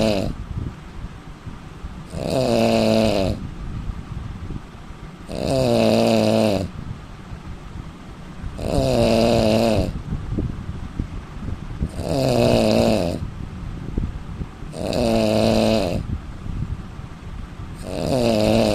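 Loud, rattling snores with a throaty tone recur steadily about 19 times a minute. An adult is snoring in sleep.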